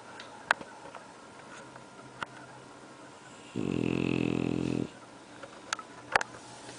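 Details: Bulldog snoring: a single rough, buzzy snore lasting about a second in a quiet room, with a few faint clicks around it.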